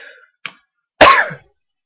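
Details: One short, sharp cough after a brief silence in a quiet room, late at night (about 1:38 a.m.), from a person who says they just took medicine.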